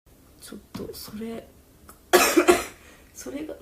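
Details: A girl coughs while talking; she says her voice is failing and she can barely speak.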